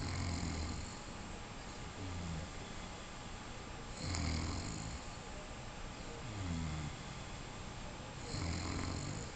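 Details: Sleeping pet snoring: low rumbling snores with short snorts between them, about one every two seconds, over steady room hiss.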